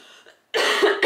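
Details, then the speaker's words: Adult woman who says she keeps coughing after talking too long, with throat and voice strained: a loud, harsh cough burst with the start of a second; cough. "Bref, je parle depuis beaucoup trop longtemps, j'arrête pas de tousser. Ma gorge et ma voix sont en train de me dire de la fermer."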